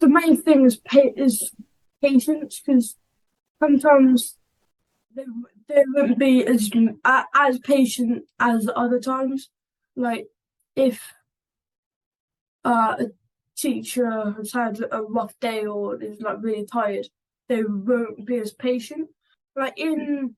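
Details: 11-year-old boy who stammers and makes stammering-awareness videos. Stammering (stuttering).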